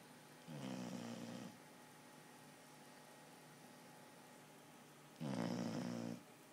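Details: Snoring (owner jokes that someone else, not the owner, is the one snoring): two slow, rough, rattling snores on breathing in, several seconds apart, over quiet room hiss; ordinary snoring.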